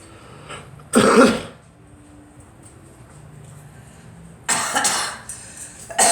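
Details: Two harsh bursts of coughing from a girl in a quiet room; a plain cough.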